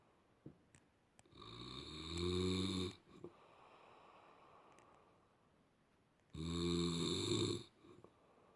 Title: HORLAMA SESİ - SNORE LOUDLY #horlama sesi #snoreloudly #uykuapnesi